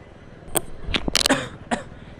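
A few short, sharp coughing bursts from an adult in a quick cluster, over faint background room noise; a plain cough.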